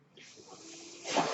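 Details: Ventilator airflow heard in the background at the start of a podcast introduction; the speaker notes the noise is from his ventilator; real recording.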